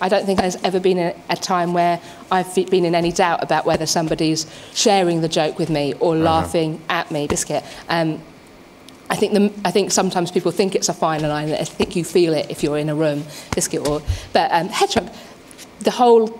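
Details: Adult woman with Tourette syndrome, diagnosed as an adult, tics beginning around age six and much worse in her early twenties; frequent involuntary vocal tics, mostly 'biscuit', sometimes 'hedgehog', with motor tics; Tourette syndrome vocal tics.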